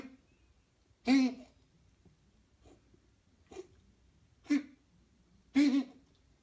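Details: Pet Modello's cough, July 2017: three short, sharp cough bursts with a couple of softer huffs between, quiet room.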